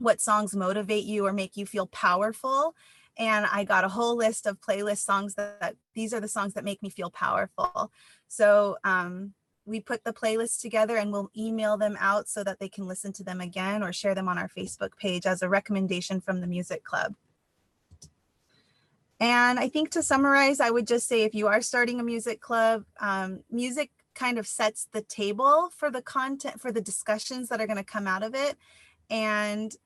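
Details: Adult woman speaking; normal speech.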